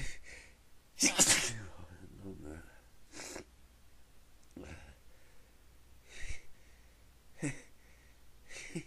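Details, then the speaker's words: A person tries to stifle repeated sneezes and fails: one loud sneeze, then several short, partly stifled sneezes with quick breaths between, while saying they can't stop. "Oh man, I can't stop. Sneeze. Fuck. Just keep coming."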